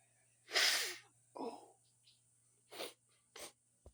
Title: Big Sneeze and Nose Sniffing Part 2 #sneezing